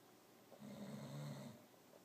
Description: This cat can sure make a lot of noise!!!